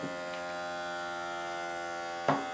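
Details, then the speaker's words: Steady electric pump hum as a Sanitas SMB67 automatic upper-arm blood pressure monitor inflates its cuff on an adult, stored under the second user profile; the reading that followed was 147/87. "so you switch it on and uh it just it starts automatically so it's pumping up as you can hear it's pumping up the arm band"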